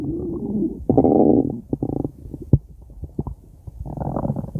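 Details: Stomach growling (borborygmi): loud, irregular low gurgling and growling with bubbly pops and short rumbles.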